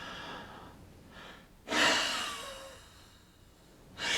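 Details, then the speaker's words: Respiratory therapist demonstrating a huff cough (forced expiration technique) for clearing phlegm: a deep breath in and held, then a strong, open-throated, breathy "ha" out without cough closure. "and then on the way out I want you to try to say the word hot without the T so it's a ha sound so it sounds like this"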